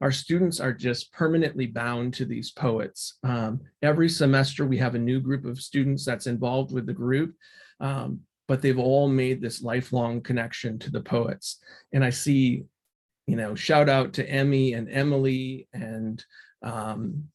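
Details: Adult speaker; ordinary fluent speech.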